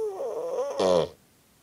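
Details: Cocker Spaniel wearing a cone, asleep, gives a wavering tonal snore, then a louder rasping snort like a buzz saw before going quiet; loud snoring.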